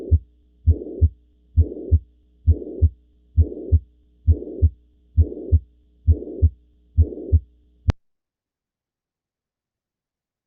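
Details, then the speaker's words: Mitral regurgitation auscultated at the mitral focus in left lateral decubitus (Pachón position): regular heartbeat about 67 a minute with a blowing holosystolic murmur filling the whole gap between S1 and S2. "Bueno sí sí es es un sistólico si lo escucharon sí okay va otra vez escúchenlo otra vez"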